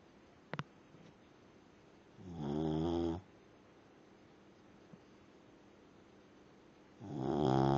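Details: Dog snoring: two fluttering, buzzy snores with about four seconds of quiet breathing between them.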